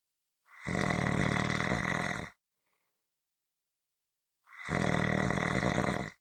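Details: Loud, rattling snores on each in-breath, separated by silent pauses, roughly 13 breaths a minute; snoring.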